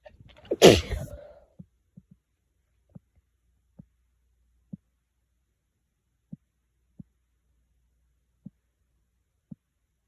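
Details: One loud, explosive sneeze followed by quiet, faint ticking sounds; one of many sneezes.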